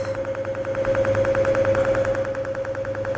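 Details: Rapid, regular snapping pulses, about 200 a minute, over a steady machine hum: a Cutera Enlighten picosecond laser firing during a full-face treatment given in two to three passes.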